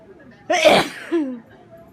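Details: Single sharp, explosive sneeze with a brief inhaled catch and a voiced tail, during the worst day of a cold, sneezing into a handkerchief or uncovered.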